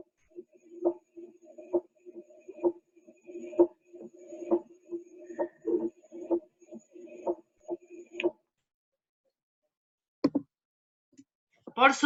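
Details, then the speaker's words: Teaching recording of a fourth heart sound (S4) from atrial contraction, a sign of an overloaded heart: steady heartbeat at about 66 a minute with a soft extra thud just before each first sound, over a faint hum. "entonces escuchen esto ahí van a escuchar primero y segundo ruido normal eso es normal eso es un soplo tercer ruido Y ese es el cuarto ruido por contracción auricular"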